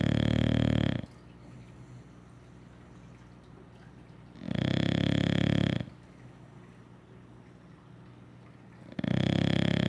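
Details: Deep, heavy rumbling snores about every four seconds with quiet gaps, from a sleeping English Bulldog after a lazy day; dog snoring.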